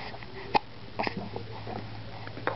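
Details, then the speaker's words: Baby hiccuping: two or three short, abrupt catching sounds over a low steady hum; infant hiccups. "Do you have the hiccups? You got the hiccups? Hiccup. Who got the hiccups? You got the hiccups."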